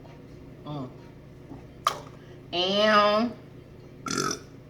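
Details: Long, deep, voiced belch with a rippling tone after drinking soda, flanked by short vocal sounds and a sharp click.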